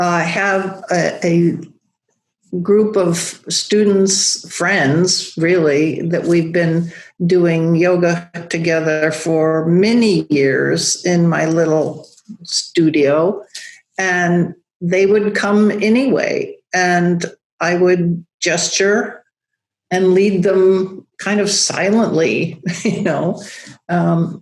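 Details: Adult woman with aphasia after a large stroke affecting Broca's area, still with word-finding difficulty, recovering while rehabilitating; aphasia (non-fluent, Broca's type).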